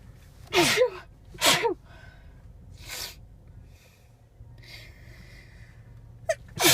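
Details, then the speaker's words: Female sneezing while driving around looking for a parking spot: two sharp explosive sneezes in quick succession, then a softer one with a quick inhaled gasp before another sneeze. "Driving around looking for a parking spot. And started sneezing. Sneezing."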